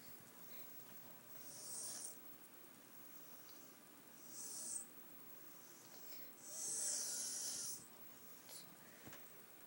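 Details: Sick male sleeping, bothered by something: three soft, hissy, airy snores, each about a second long, over quiet room noise; light snoring.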